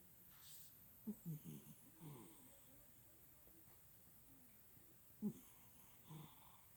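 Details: Napping cat making soft, low snorting and snuffling noises in brief clusters with quiet gaps, consistent with snoring.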